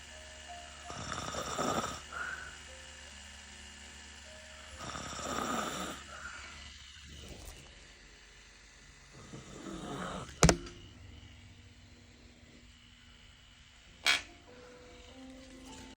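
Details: Female client at a microblading/permanent-makeup brow session: soft, rattling, irregular snores about every four seconds, with background music and a couple of sharp knocks; snoring.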